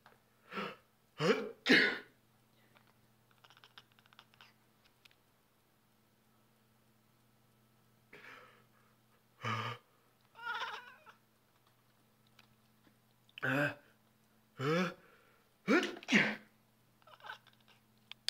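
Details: Several short, explosive sneeze bursts from an adult, mixed with sharp, annoyed-sounding meows and yowls from a male Balinese cat who dislikes people sneezing.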